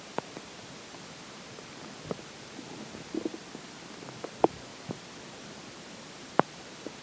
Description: There are some weird sounds in this particular water stomach growls.